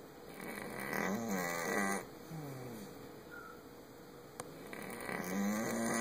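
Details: Soft rattling snores with each breath against a steady background hum, after a trip to the vet; snoring.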